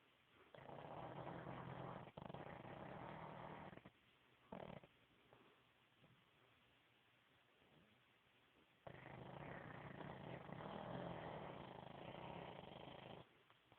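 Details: Black pug asleep: long, raspy, fluttering snores with a quieter stretch between them; snoring.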